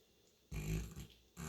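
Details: St. Bernard dog with heavy snoring: a loud, low, rumbling snort on the in-breath, then the start of another.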